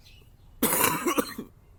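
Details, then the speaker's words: Adult with a cold: a single loud, harsh cough with a rough, throaty tail in a quiet room. "Eu tô um pouquinho gripado, então pode ser que eu tussa ou então fique fanho, mas tranquilo."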